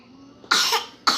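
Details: Parent and baby both sick with a cold; baby laughs at sneezes and attempts fake sneezes: a sharp explosive burst of air, then a second shorter burst, fitting a sneeze.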